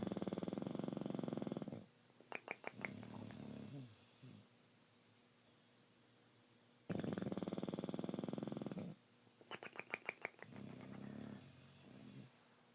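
Two long, rattling, fluttery snores about five seconds apart, each followed by snuffling and a soft release; animal snoring.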